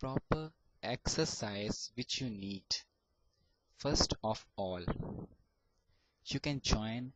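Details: Adult male student who has stammered since age 5 and still stammers: stuttering.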